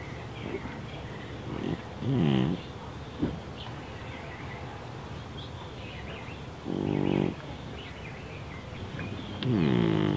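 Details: Awake deaf cat with neurological and breathing problems: three loud, rough, pig-like snorting bursts over quiet breathing, stertor from noisy upper-airway breathing.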